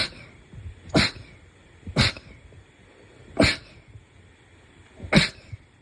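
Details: Four sharp, explosive bursts about a second or more apart, each with a brief rush of air; a run of sneezes.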